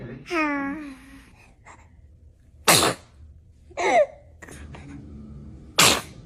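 A brief whiny cry followed by three sharp, explosive sneezes from small children, each a sudden burst of air.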